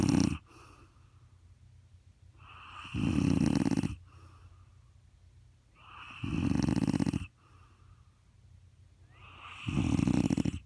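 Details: A father's heavy snoring: three loud, rough, rattling snores on the in-breath with quiet pauses between, roughly 17 breaths a minute.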